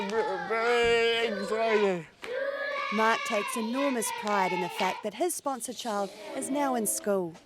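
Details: Adult narrator; normal speech.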